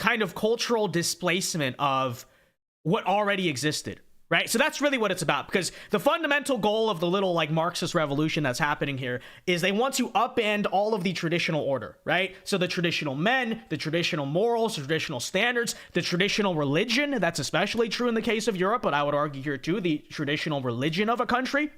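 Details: Adult speaker; normal speech.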